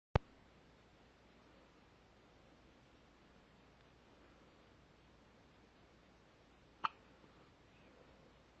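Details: One-week-old infant with hiccups: two faint, sudden clicks several seconds apart in a quiet room.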